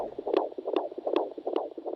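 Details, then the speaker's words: Fetal heart sounds on handheld Doppler during midwife intermittent auscultation: rapid whooshing pulses about 150 a minute, a galloping-horse rhythm of a normal fetal heartbeat. "Traditionally, midwives have monitored a fetal heart rate at key stages in the delivery of a baby. Sounds like a galloping horse versus the heartbeat."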